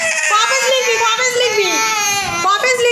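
Loud, sustained wailing cry from a young child with rising and falling pitch; ordinary crying.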